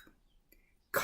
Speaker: cough verb to force air out of your lungs through your throat with a short loud sound the smoke made me cough I coughed all night long